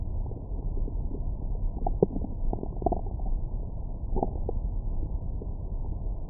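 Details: Stomach growling from the recorder's own belly after a large meal, recorded with a Stemoscope stethoscope microphone: low rumbling and gurgling; normal digestive bowel sounds.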